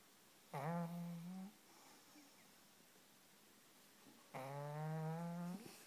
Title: Snoring pug